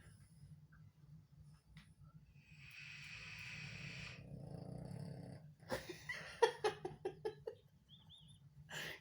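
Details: Tired pet pug sleeping after a day in New York City: soft rhythmic snorting breaths with a rasping, snore-like noise; snoring.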